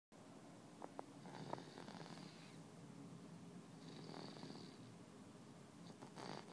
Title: Terra snoring